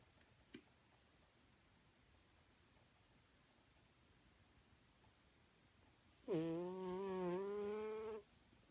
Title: Snoring cat